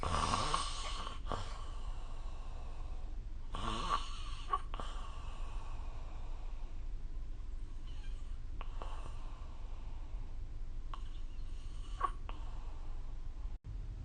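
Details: Deep, rattling snoring with uneven snorts over a loud low rumble, recorded at night in a small room with the SnoreLab smartphone app.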